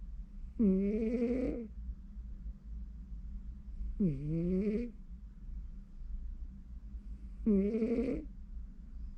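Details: Three tonal, whistly snores about every 3.5 seconds over steady room hum from a sleeping cat; ordinary cat snoring.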